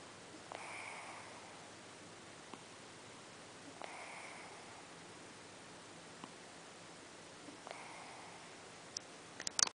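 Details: Cat snoring while lying in a person's lap.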